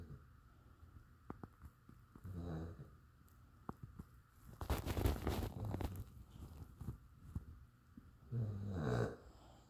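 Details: Snoring during sleep: low, rattling snores with a noisy breath between and faint room noise.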